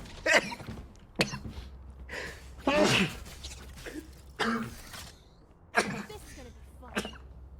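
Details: Rapid run of about seven short, sharp, partly stifled sneezes in under eight seconds from a male livestreamer who calls them hungover sneezes; sneezing fit.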